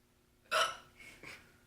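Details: Person with hiccups while reciting the Richard III monologue: a single sharp, abrupt hiccup with a quick catch of breath, then a softer voiced sound.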